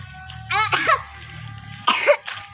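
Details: A child with a cough and cold, playing in mud after rain, gives two short, voiced coughs against background music.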